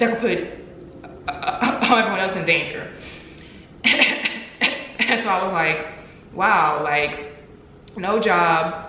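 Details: Adult woman with stuttering, real and not acted; stuttering.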